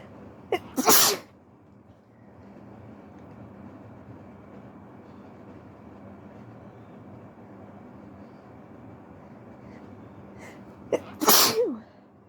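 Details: Wet sneezes from someone at home with the flu, first thing in the morning and slightly hurting the throat: two loud sneezes, each with a quick in-breath, separated by a long stretch of room noise.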